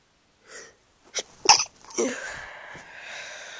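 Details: Person sick with a cold: a soft inhaled catch, then a sharp sneeze burst, a second hissing expulsion and trailing breath noise; sneezing.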